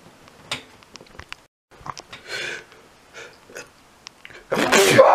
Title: heavy and loud sneezing